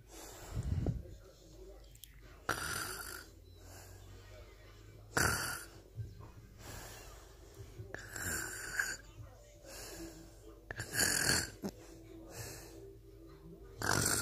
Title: Funniest snoring 😂😂lol